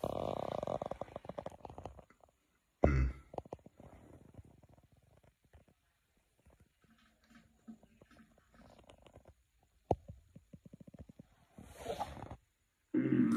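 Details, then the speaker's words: Adult with lactose intolerance after drinking three lactose-containing milk stouts: loud, irregular stomach gurgling and rumbling with bubbling bursts and quiet gaps. "anyway y'all take care and it's still gurgling it's just gurgling can you hear that"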